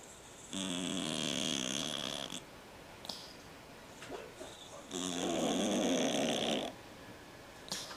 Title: My cat snoring